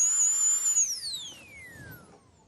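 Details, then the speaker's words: High-pitched dental bur whine that winds down as the bur stops, smoothing rough bone after extraction of a canine carnassial tooth's roots, on a cadaver used for teaching; dental bur running. "we'll come with our Burr and smooth out the areas of rough [Music]"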